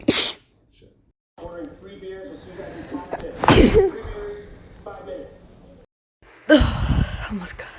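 Two loud, explosive sneezes with talking between them; ordinary sneezing.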